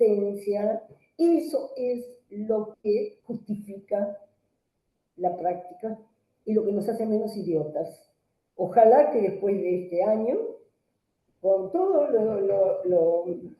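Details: Adult woman; normal voice.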